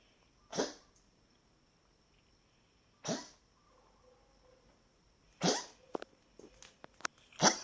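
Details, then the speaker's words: Harsh cough in repeated bursts, about six over several seconds, from a dog named Frita in a recurring coughing fit; owner has no idea why the dog can't stop coughing. "now you done down how many more coughing seizures are you going to have no"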